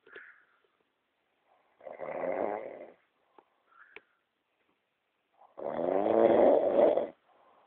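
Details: Woman snoring in a hotel room at night, with a strange clicking from her jaw: two loud, rough, rattling snores on breathing in, separated by quiet pauses with faint breath sounds; ordinary loud snoring.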